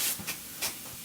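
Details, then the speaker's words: Brief bursts of high hiss as an oxygen hose is connected to a 50 psi wall outlet to power a Parapac pneumatic transport ventilator; the indicator ball turns from red to white when pressure is sufficient. "Before I connected this little ball here was red, and now that it's white, it's showing that it has enough psi to power the ventilator."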